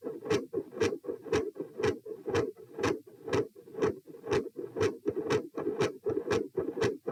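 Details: Heart sounds recorded at position p during a sitting-to-standing manoeuvre: a fast, regular beat near 120 a minute, a consistently sharp, loud S2, a variable S1 and episodes of murmur.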